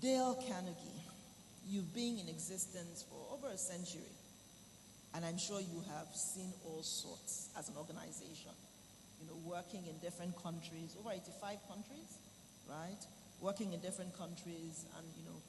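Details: Adult speaker; normal speech.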